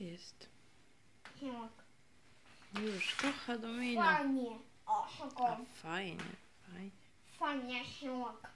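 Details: Autistic child repeating the same phrases while arranging dominoes, replaying exact scenes, parent redirecting toward dialogue; once struggled to produce single sounds, now speaks quickly; delayed echolalia.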